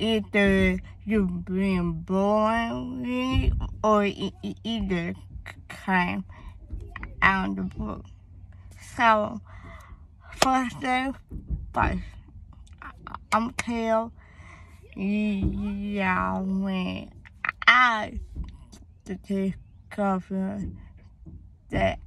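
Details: Young woman whose speech impediment began around third grade with hearing loss (deafness); she had speech therapy at school, doctors found no cause, and she was born premature: speech impediment.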